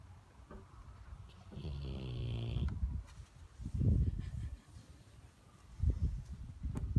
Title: Funny dog videos! Dog sleeping and snoring!